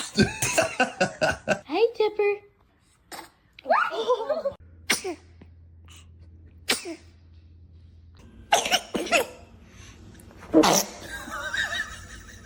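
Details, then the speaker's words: Newborn baby sneezing: several sharp, brief infant sneezes amid adult talk and laughter in the room; a dramatic sneezer. "Baby is a dramatic sneezer check."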